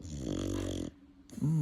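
A low, rumbling nasal snore from a sleeping dog, with a brief quiet gap before the next snorting breath.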